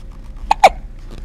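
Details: Two short, abrupt hiccups close together against quiet room noise.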